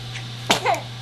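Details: Little male, eyes wide open, with one short, sharp burst of air and a brief voiced tail over a low steady hum: a single small sneeze.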